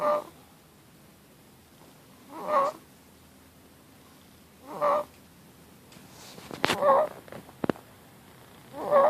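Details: Four-and-a-half-month-old infant girl with noisy inspiratory breathing; parent thinks it is stridor. Mild retractions, no respiratory distress. Regular high-pitched squeaky noise on each breath in, about 28 breaths a minute.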